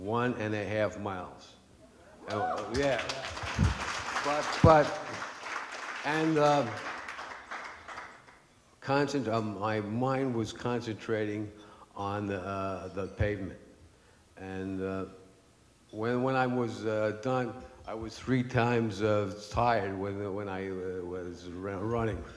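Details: Aphasia after stroke in an adult man, stroke 10 years earlier; after two and a half years of speech therapy he can say some things but still struggles to form sentences.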